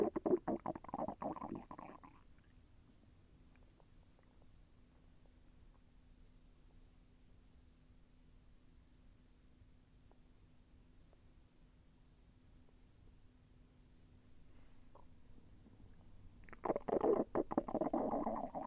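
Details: Stomach sounds during digestion, with intestinal movement felt as slightly painful: two bursts of rolling, bubbling gurgles separated by a long quiet stretch; bowel sounds (borborygmi).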